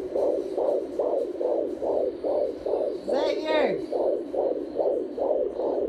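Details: Baby girl's fetal heartbeat heard on home Doppler: rapid, regular whooshing at about 139 beats a minute, normal rate.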